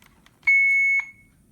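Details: A single steady high-pitched electronic tone of about half a second in a quiet room; a pediatric Alaris infusion pump alarm sounding because the pump door was open during tubing setup in a demonstration.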